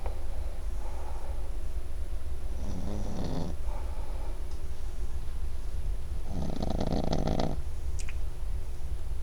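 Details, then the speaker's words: Loud snoring from a sleeping Pekingese dog, two snorts against a steady low room hum. "Is he snoring? Ozzy. He's snoring, baby. He's snoring. He's snoring. He's sawing logs."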